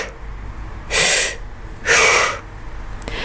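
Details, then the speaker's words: Imitated bronchial breath sounds, normally heard over the sternum and first to second intercostal spaces: a harsh breath in, a short pause, then an equally full breath out, with full inspiration and expiration. "bronchial breathing however is heard mostly over the main broni so you'll hear it over the sternum and maybe the first and second intercostal spaces and that is a much slightly harsher sound and that's characterized by you being able to hear full inspiration and full expiration"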